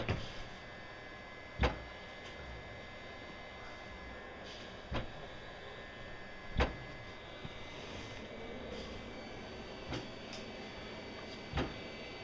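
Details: Mechanical insufflation-exsufflation (cough assist) treatment recorded April 2013: a steady low machine hum with sharp clicks every few seconds as the device cycles.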